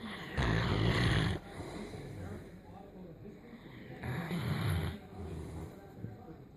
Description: Fury, our Great Dane puppy fell asleep on me and started snoring, she quited down a bit when I started filming unfortunately.